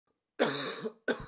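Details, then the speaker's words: Acted harsh cough burst with a brief second start, given as an asthma symptom alongside wheezing, chest tightness and narrowed airways: simulated asthma cough. "coughing wheezing and a feeling of chest getting tight these are symptoms of asthma the air tubes in the lungs become narrow making it hard to breathe"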